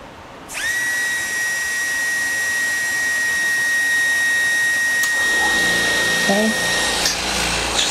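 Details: Steady high-pitched whine of a dental low-speed handpiece motor spinning up, running, then stopping, while its air consumption is measured with a flow meter; normal low-speed handpiece operation.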